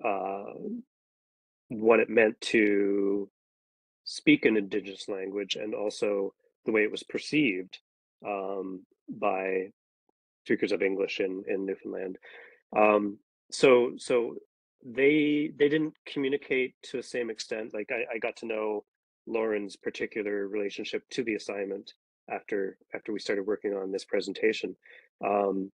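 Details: Adult speaker; ordinary speech.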